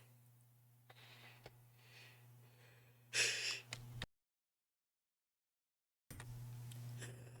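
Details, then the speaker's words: A sudden loud, hissing sneeze from an adult over a steady low electrical hum, then silence; one of repeated sneezing during a live stream. "Oh, all the sneezes. All right, I'm going to take a break to go get some tissues cuz as you can hear, I am just sneezing like crazy."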